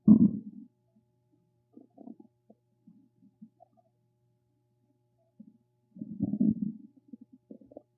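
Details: Low gurgling and rumbling bursts with quiet gaps as gas and fluid move through the gut; stomach rumbling (borborygmi).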